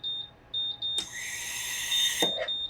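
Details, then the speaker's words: Repeating high electronic beeps with hiss of escaping gas on an MVM ventilator during alarm testing: test lung disconnected, triggering low expired tidal volume and low PEEP alarms before reconnection. "simply disconnect the test loan our low expired title volume is is now triggered our low expired title volume is triggered the low peep alarm is"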